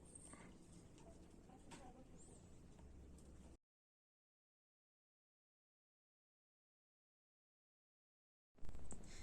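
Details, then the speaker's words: Carvalho maneuver (deep inspiration) with the stethoscope bell at the tricuspid area, left fourth intercostal space parasternal: muffled low heart thumps, normal right-heart sounds, louder with inspiration. "luego nos vamos hacia el foco tricúspide o que se encuentra en el cuarto espacio intercostal para externa izquierdo y lo vamos a escuchar con la campana"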